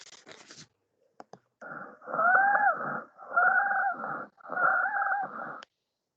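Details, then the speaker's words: Wheezes in pediatric bronchial asthma: repeated musical, whistling tones with each breath, from narrowing of the bronchial wall causing turbulent airflow. "Esto se va a deber a el estrechamiento de la pared bronquial y pues obvio nos va a generar una turbulencia mayor con el paso del aire, lo que nos va a provocar estos sonidos."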